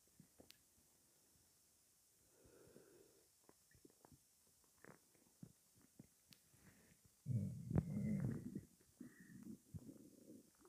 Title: Gassy belly